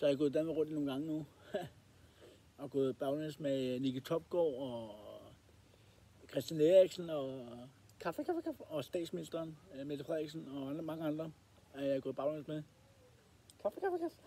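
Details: Danish-speaking male with Tourette syndrome, which he describes as a fault in the head that stops him controlling what he says or his movements; repeated involuntary vocal tics interrupt his speech; vocal tics (Tourette syndrome).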